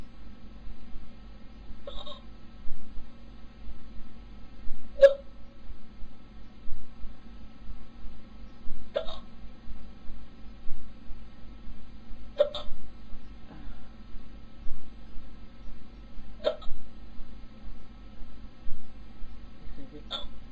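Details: Hiccups: regular sharp hiccups, about one every three to four seconds, over a steady low hum.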